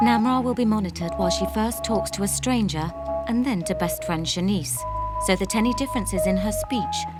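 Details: Adult female narrator; normal fluent speech.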